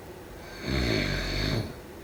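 A single loud, low, vibrating snore on one breath, about a second long, against faint room noise.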